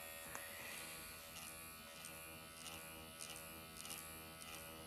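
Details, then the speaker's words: Microneedling pen (MD Needle Pen) running at 1.5 mm depth, cross-hatching over numbed facial skin with hyaluronic acid after forehead and eyes at 1 mm; steady high electric buzz with faint tapping; patient reports it feels almost painless. "As you see, it's not a bloodbath doing this. You don't feel anything? Sometimes it can feel like, I would say like a cat is licking you."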